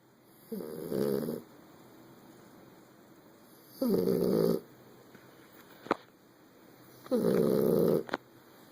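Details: Three loud, rough inhaled snores about three seconds apart, with quiet breathing between them and faint steady room noise; snoring.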